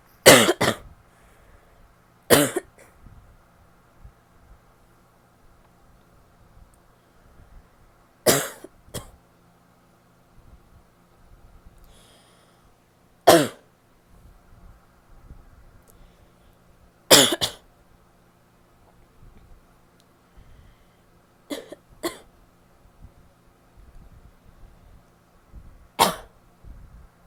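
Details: Female with a wet barky cough: repeated harsh, barking coughs with a wet, rattly edge, several coming in quick pairs.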